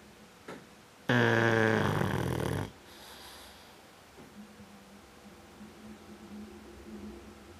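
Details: Dog snoring with his eyes open: one loud, rattling snore, then a softer, steady humming snore on the next breath; ordinary snoring.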